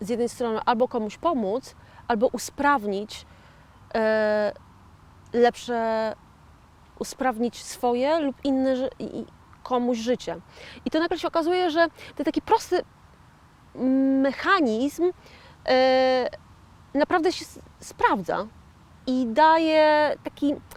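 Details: 41-year-old woman with aphasia following a stroke in 2009; a real stroke survivor who calls herself an aphasian; aphasia.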